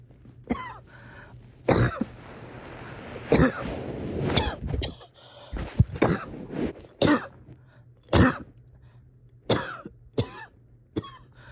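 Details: Person having breathing struggles and a hard time resting or getting comfortable: about nine harsh, separate cough bursts with noisy, effortful breathing between them.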